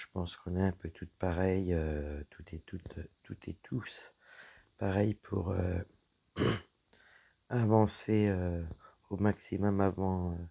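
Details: Woman whose vocal cords were damaged by a serious health problem; voice deeper than before, at times little voice, unable to speak loudly; dysphonia from vocal fold damage.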